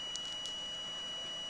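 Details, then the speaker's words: Steady high-pitched tone with brief beeps over faint room noise as a dental soft-tissue laser removes an excessive labial frenum attachment between the front teeth of a 7-year-old girl, separating fibres without bleeding. "so it just uses light energy to um to actually just take care of it like that"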